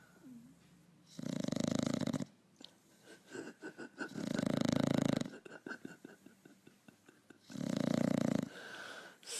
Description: Adorable SNORING Pug catches 40 winks on the couch